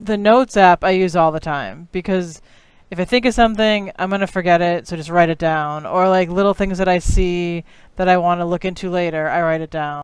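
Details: Adult speaker who stutters, using an altered auditory feedback app; stuttering with fluency induced by altered auditory feedback.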